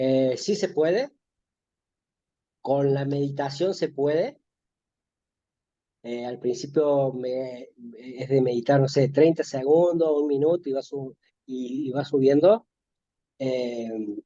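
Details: Stuttering in an adult Spanish-speaking man in spontaneous conversation.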